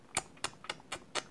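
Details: Five sharp, evenly spaced clicks, an adult imitating the sound a breastfeeding baby makes when swallowing air because of a shallow latch, a cause of infant colic.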